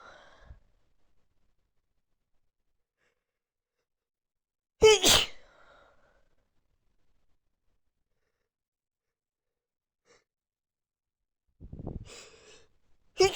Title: sneezing while high 🍃